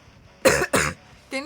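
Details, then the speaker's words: Tired adult whose cough has always sounded aggressive and rattly; two loud harsh rattling cough bursts then a brief voiced sound; harsh rattling cough. "my cough has always sounded really aggressive that it makes people really concerned um so it's just yeah that rattle like it sounds Optimus Prime when he's Rusty"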